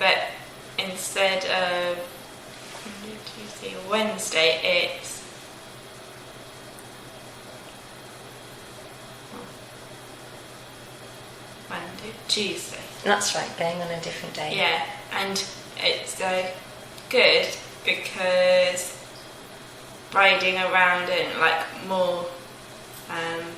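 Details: Young woman 16 months after a stroke, with word-finding difficulty partly recovered through speech therapy and insight preserved: Broca's (expressive) aphasia.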